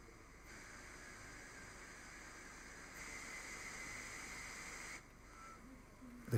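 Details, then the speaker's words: Hamilton T1 ventilator pre-op check, flow sensor test with connector removed and sensor turned as the screen indicates: steady airflow hiss rising in steps as flows ramp up, then dropping. "take the connector off and turn the flow sensor as indicated by the screen the flows will slowly ramp up"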